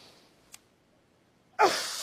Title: Sneezes on air edit loop 4 ½ minutes. #blackwoman #sneezing #onair #funny